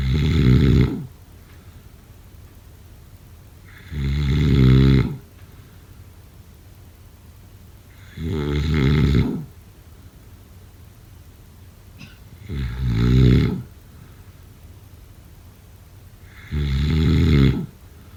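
Loud, low rattling snores on each breath in, about 14 a minute, with quiet pauses between.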